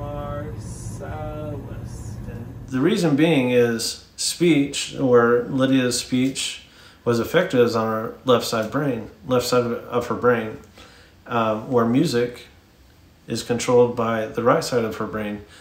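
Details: Adult male speaker; ordinary fluent speech.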